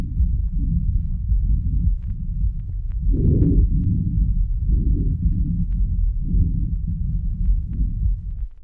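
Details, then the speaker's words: Normal childhood breathing pattern, played before asthmatic recordings: soft, even, low-pitched breath cycles at roughly 40 a minute with no wheeze; normal breath sounds. "Antes de escuchar la grabación de niños asmáticos, escuchemos otra vez el patrón respiratorio en la infancia."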